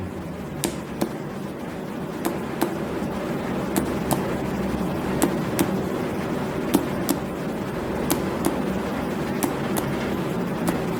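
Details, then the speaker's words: Abdominal finger-percussion along the midclavicular line moving upward to find the lower liver border: eight paired taps changing from a hollow tympanic note to a dull note at the liver edge. "Kemudian dari William kekiri kitab ambil ke atas jadi suara yang awalnya timpani berubah menjadi redup"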